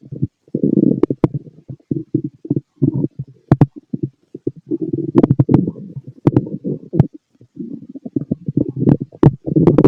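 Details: Fit adult male's abdomen heard through a stethoscope: frequent low gurgling rumbles with scattered sharp pops; active normal bowel sounds, stomach growling.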